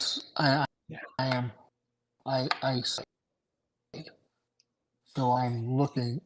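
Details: Adult male with aphasia after two strokes in November 2017, including a hemorrhagic stroke; short-term memory problems, right-sided weakness, unusable numb right hand, ten seizures since; aphasia.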